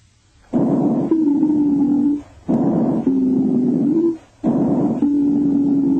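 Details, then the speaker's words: Wheezes: high-pitched, hissing, musical whistling through each breath out at about 30 breaths a minute, often suggesting asthma. "wheezes are relatively high pitched and have a hissing or shrill quality and often suggest asthma"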